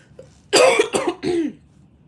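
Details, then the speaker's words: Three rough, raspy, dry adult coughs in quick succession that sound like a smoker's cough; the cougher says they do not smoke and attributes it to allergies. "That sounds like a smoker's cough, huh? I promise you guys, I do not freaking smoke. I do not smoke. I know that sounds like a smoker's cough, though. That's what you call allergies."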